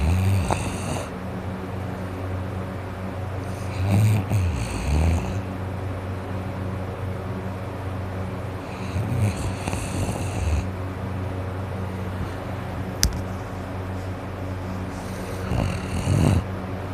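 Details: Slow, low rumbling snores about every five to six seconds, roughly 11 a minute, congested and snuffly: sleeping adult snoring with nose and throat congested from a cold.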